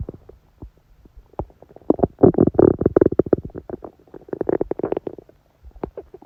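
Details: Woman's abdomen during menstruation with only a dull ache: loud, bubbly gurgling and rapid popping runs, rising and fading in bursts over several seconds, active bowel sounds.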